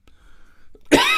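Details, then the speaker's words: Adult male radio host with a scratchy throat, speaking on air: near silence with faint room noise, then one abrupt, loud cough burst that is cut off at the end; single cough. "Pardon me, I do have a scratchy throat, and I don't have a regular cough button set up here in this particular program."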